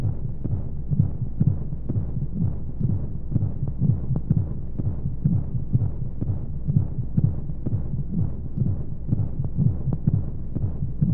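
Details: Womb-sound sleep aid for babies with white noise: steady rapid muffled heartbeat thumps at about 125 a minute under soft whooshing flow noise, as heard from inside the womb.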